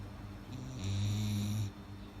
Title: my dog Snoring like thunder